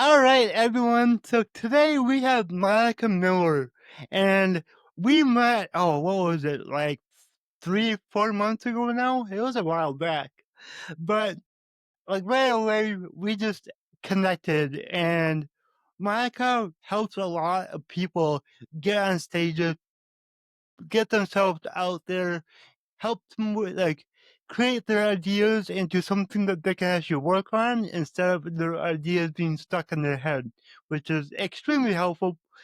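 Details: Adult male with cerebral palsy and a lifelong speech impediment who still stutters, though much less than before, and more so with his mother; stuttering.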